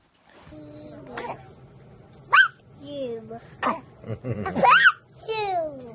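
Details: Short, sharp bursts of air with a squeaky voiced edge from an infant, amid adult voices and laughter in a small room; an adult asks if the baby is allergic to anything; infant sneezes.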